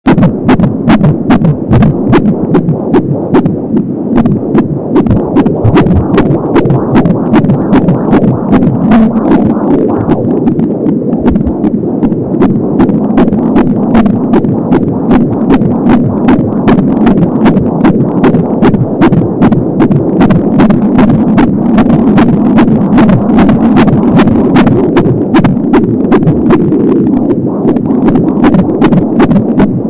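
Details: Fetal heart sounds at 26 weeks of pregnancy on an Angel Sound home Doppler: fast, regular whooshing heartbeat about 170 a minute, with swishing umbilical cord sounds.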